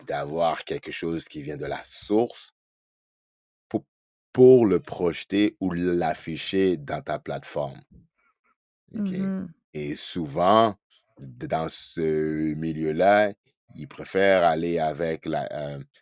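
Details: Adult man who stutters, spokesperson for a Quebec association for children who stutter, speaking French; stuttering.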